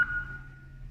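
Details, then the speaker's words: Brief steady electronic tone fading out as Infusomat P infusion pump is switched on with the on/off button after tubing is loaded and door closed. "To switch on the machine, press the start button, on and off button."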